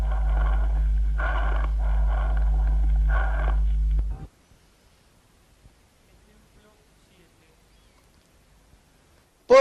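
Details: Harsh, hollow, blowing breath sounds heard over consolidated lung, as in pneumonia from the second or third day: tubular bronchial breathing.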